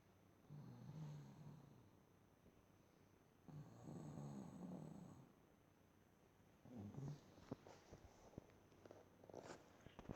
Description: Mum Snoring on the couch agian for two minutes. This time she sounds like a growling demon.